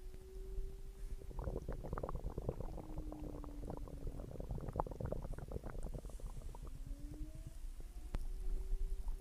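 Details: Stomach growling after dinner: low gurgling and rumbling with bubbling squeaks and gliding tonal notes, ordinary bowel sounds of digestion after a meal.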